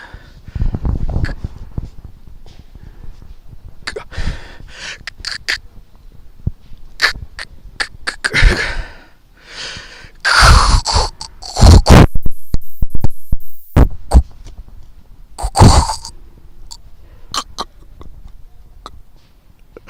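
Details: Adult who stutters deliberately exaggerating his fluency techniques as a desensitisation exercise, done on purpose; deliberate exaggerated stuttering (voluntary stuttering).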